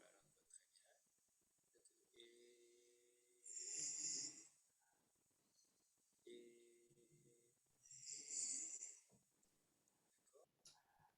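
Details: Voice of a patient with left unilateral laryngeal (vocal fold) paralysis during an arytenoid manipulation exercise under fibroscopy, which moves the healthy fold past the midline; this generally gives better voice quality.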